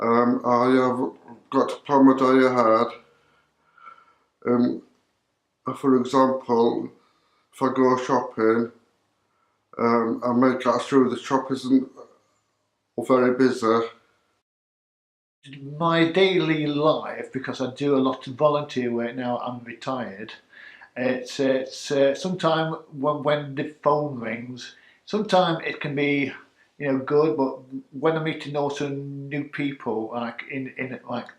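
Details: Adult self-help group member who stammers, reporting little current impact on daily life though sometimes choosing email over phone calls; stammering.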